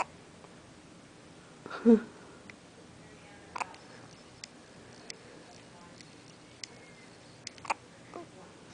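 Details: Baby's first hiccups: one sharp, voiced infant hiccup stands out against a quiet room, followed by a few faint clicks and small sounds.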